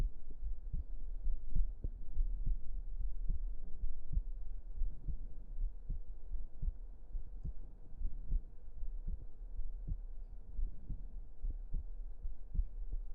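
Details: Close-up heartbeat recorded for ASMR: steady, soft low thumps, about 75 a minute, under a constant hum; ordinary heartbeat.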